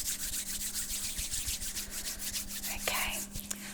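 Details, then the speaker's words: Soft, steady rubbing and swishing of hands with alcohol hand rub over a faint hum, before a simulated cardiac examination in an ASMR role play. "i think we'll get started all right so i'm just gonna pop everything down here put some alcohol rub on"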